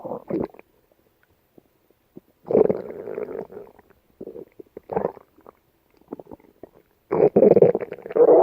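Gurgling, bubbling rumbles in bursts with quiet gaps; gut sounds, or borborygmi, from a dog's belly.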